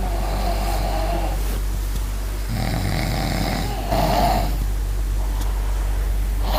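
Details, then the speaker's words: A father and his young child snoring together after falling asleep; low, rumbling snores with rougher, louder bursts over steady low room hum; ordinary snoring. "ini bapak sama anak sama-sama ngorok."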